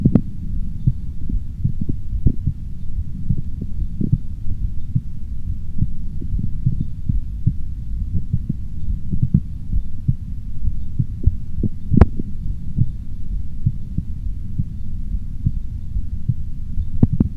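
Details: Heart sounds of the speaker's own heart, auscultated at 4 points with a stethoscope: low, muffled thumps mixed with a steady low rumble and occasional handling clicks.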